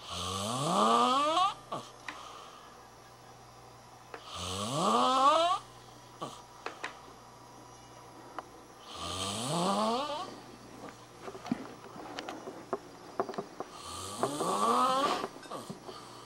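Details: College student asleep: long, rising, rattling snores on each in-breath, about 14 a minute, with a faint hum and some clicks between them. Snoring.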